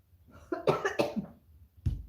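An adult gives a short run of harsh coughs, then one more after a brief pause, in a small quiet room; cough with a cold.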